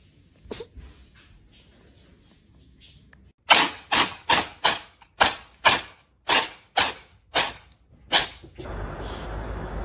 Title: The cat sneezes.